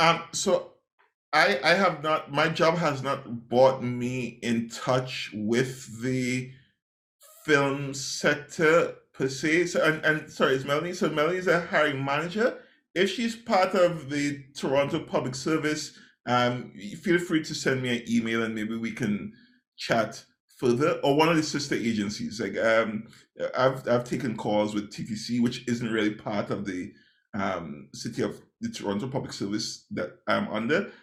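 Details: Adult man speaking; normal conversational speech.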